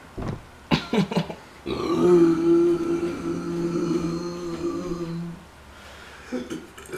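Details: Man tries to drink 2 liters of Coca-Cola Zero without burping and fails: a few short throaty sounds, then one long, drawn-out rumbling belch of about three seconds in a small room; burping.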